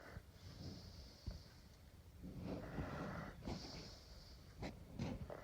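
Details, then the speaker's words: Snoring from a sleeping dog: noisy, snorting breaths with a rattling, whistling edge, repeating irregularly. "Were you sleeping? I didn't know that. Huh? What were you doing? Make a lot of noise. Yeah. You were making a lot of noise."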